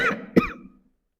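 A single short cough from an adult man, following a trailing spoken syllable, in a small room.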